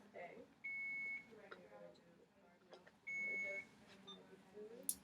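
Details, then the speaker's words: Alaris infusion pump alarm for air in the line, during a nursing demonstration: two long steady electronic beeps a few seconds apart amid quiet talk and handling noise before air bubbles are cleared; air-in-line alarm. "says there's air in the line so we're going to pause clear up and pull it out and try your best get all the air bubbles out of the line"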